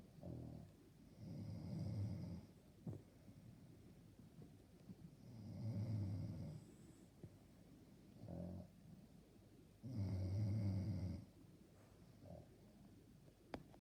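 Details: Person snoring loudly enough to keep another person awake; low, rattling in-breath snores, about 14 breaths a minute, somewhat irregular, quiet breathing between; snoring.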